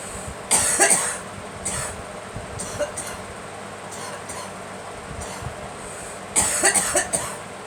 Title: Girl coughing